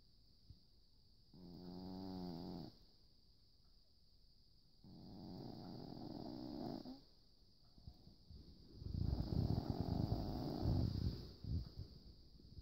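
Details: Snoring: three low snoring breaths growing rougher and louder, over a steady high-pitched background hum.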